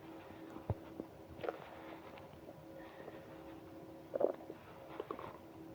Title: Bad morning from hunger to stomach ache (stomach growling)